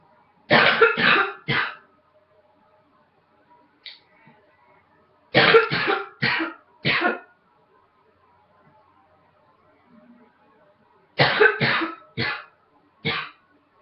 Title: Coughing # 5